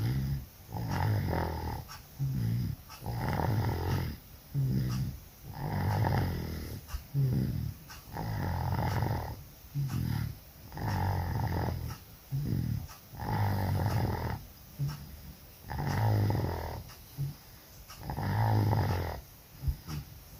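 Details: Sleeping dog snoring very loudly while sick with flu and cough: loud, rough snoring with each breath, about 24 breaths a minute.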